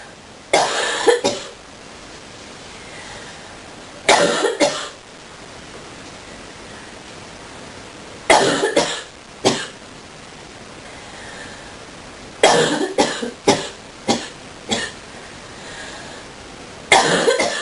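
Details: Deep coughing fit: about fourteen harsh, deep coughs in clusters of two to four over eighteen seconds.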